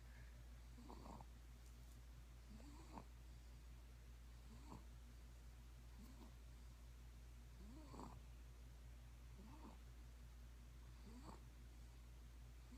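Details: Soft, regular rising snores from a sleeping cat about 6 weeks old, about 35 a minute, over a steady low hum: snoring.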